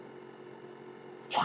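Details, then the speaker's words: Steady mechanical hum ending in a brief airy rush from a man's ventilator, audible as he speaks while recording a podcast; mechanical ventilator breath. "Hello, everyone. My name is. That noise you're hearing is my ventilator."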